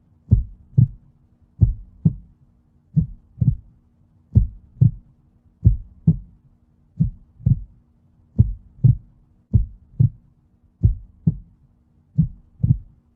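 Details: Steady, clear paired low lub-dub thumps at about 45 beats a minute in a quiet background: a slow, regular heartbeat.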